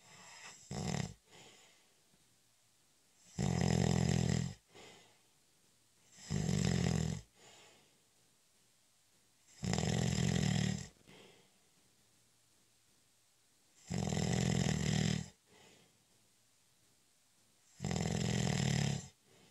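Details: Snoring during a short, light nap: loud, regular snores on each in-breath, one every 3–4 seconds with quiet pauses between, in a quiet room; ordinary snoring.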